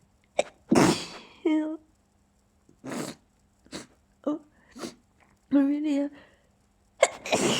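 Several short, stifled sneezes with brief voiced squeaks between them, then a louder sneeze at the end.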